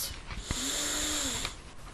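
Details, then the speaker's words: Single strained, rasping snoring breath from an adult man, a longtime loud snorer with recent weight gain, after an obstructive apnea with oxygen desaturation ends in a microarousal; laboured obstructed breathing. "as a result of the cerebral microarousal there is a partial awakening leading to a few laboured breaths"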